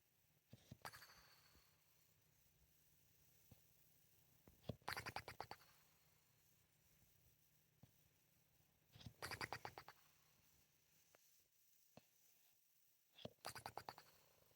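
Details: 11-year-old English Bulldog snoring in his sleep, bursts about every four seconds, each with rapid fluttering of loose lips.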